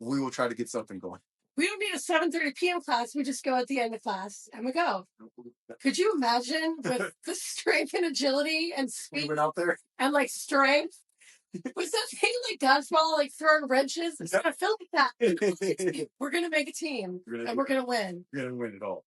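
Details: Adult speakers, possibly two, in casual conversation; normal conversational speech.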